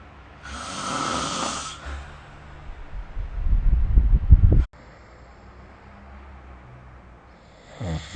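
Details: Snoring recorded with the SnoreLab phone app: one low rumbling snore that builds and cuts off abruptly, with a brief breath sound earlier, amid quiet room noise during sleep.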